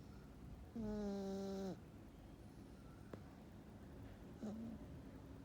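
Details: Cat snoring like a human during deep sleep; quiet, so best heard with volume turned up.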